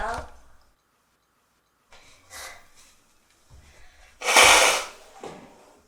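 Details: A brief inhaled catch, then one loud, explosive sneeze with a breathy tail in a quiet small room; a single sneeze recorded from a consenting model.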